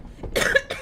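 A single short, loose adult cough with a rattling, moist quality.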